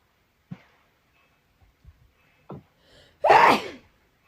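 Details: Drunk person's sneezing fit during a drinking game: small breaths and catches building up, then one loud sneeze.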